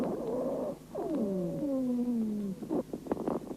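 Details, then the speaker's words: Dry wheezes (rhonchi) heard on lung auscultation in a patient during a bronchial asthma attack, caused by bronchospasm and narrowing of the bronchi by viscous secretion. "Сейчас вы слышите сухие хрипы у больного во время приступа бронхиальной астмы они образуются в результате спазма бронхов и сужения их вязким"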